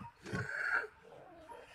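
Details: Critically ill patient after percutaneous dilatational tracheostomy, tube occluded during breathing training: brief, harsh, slightly whistling breath as air moves through the upper airway.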